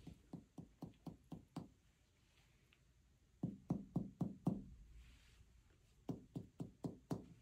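Three rapid series of hollow, drum-like finger taps over the abdomen, each ringing briefly: a normal tympanic percussion note over air-filled bowel.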